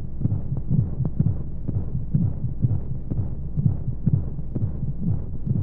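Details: Womb-sound sleep aid for babies: regular muffled low heartbeat thumps, around 60 a minute in pairs, with a steady white-noise background hum as heard inside the womb; heartbeat.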